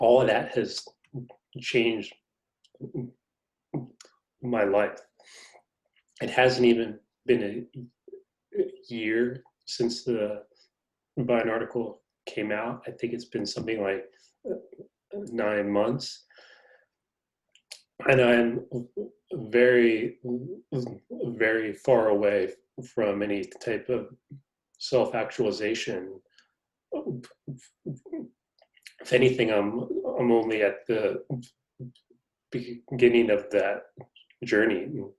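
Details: Adult man who stutters, in a conversation about his life as a person who stutters. Finding: stuttering.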